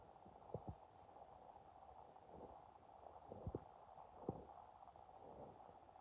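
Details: Low, quiet gurgles and a few brief pops over a steady hum: stomach growling on an empty stomach from hunger.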